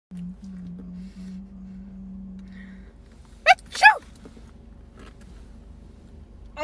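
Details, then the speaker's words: Staged prank sneeze by a girlfriend on her boyfriend: after a steady low hum, two sharp bursts with a quick intake between, sounding like a single sneeze. "so sorry i'm really sorry was that your spit i sneezed take your spit off me right now please"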